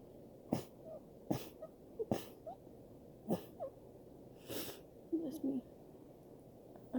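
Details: Five or six short, sharp sneezes with small breathy sounds between them, over a quiet room hum, from a person who reports feeling unwell for about the last three weeks.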